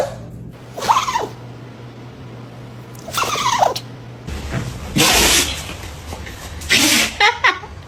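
Several sharp, airy sneezes in bursts, about four in eight seconds; dog sneezing.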